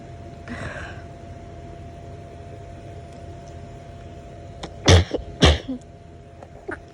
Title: Bedtime stifled sneezes (trying to be quiet, so I don’t wake my bf)